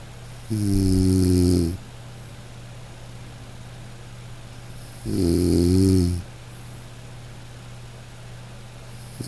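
Two long, buzzing, droning snores about four seconds apart over steady room hum: loud rhythmic snoring.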